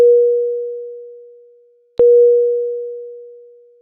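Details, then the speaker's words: Two steady mid-pitched fading tones about two seconds apart: Philips Efficia DFM100 medium-priority alarm, yellow background, for non-life-threatening conditions such as heart rate outside high or low limits, needing prompt response. "a medium priority indicates a non-life-threatening condition such as when the heart rate measurement violates the high or low limits and requires a prompt response the alarm message displays with a yellow background and sounds like this"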